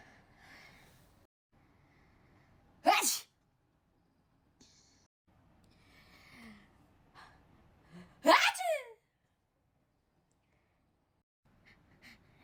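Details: Two sharp sneezes altered by a voice filter, sounding unnatural and pitch-shifted, with faint talk between them; filtered sneezing.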